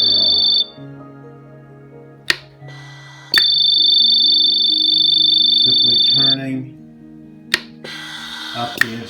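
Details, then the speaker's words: Veterinary ventilator on a test lung (demonstration, no patient): high-pitched continuous electronic alarm tones with mechanical clicks; low pressure alarm because inspiratory rate was set too low to reach peak inspiratory pressure. "note that if the inspiratory rate is set too low so that the pressure only goes up a small amount it does not reach the peak inspiratory pressure that you will hear the low pressure"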